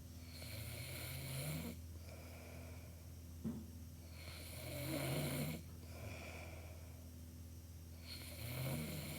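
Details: Real snoring: loud, rumbling snores on each breath in, about 15 breaths a minute, over a steady low hum of room noise.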